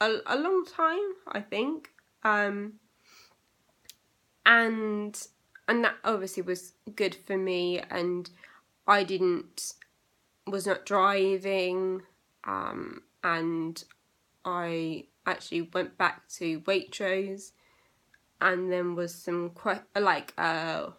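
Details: Aphasia in a young woman, recorded eight years after a stroke she had at age 18; she reports persisting problems with reading, writing and saying numbers.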